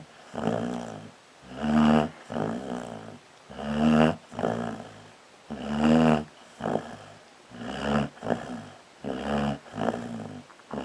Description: Prospect the Dog finally gets caught snoring on video.